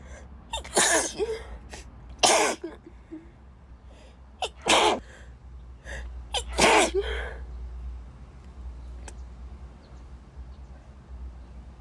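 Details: Female sneezing on a beach, unexpectedly set off by a drink she was handed: four loud sneezes in quick succession with short gasping in-breaths between, then quiet breathing.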